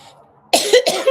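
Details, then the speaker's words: Adult with ongoing cough while recovering from illness, with stuffy nose, hoarse voice and on medicine; two quick, harsh cough bursts after quiet room noise. "I'm feeling better. I'm still coughing, but not as wildly as before. But sometimes it kind of kicks in, and I cough along."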